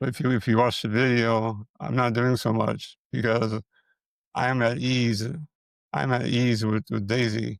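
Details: Man with multiple system atrophy, parkinsonian type (MSA-P), who reports his speech has more of a stutter and tremor, more noticeable after the first two minutes; dysarthria with speech dysfluency.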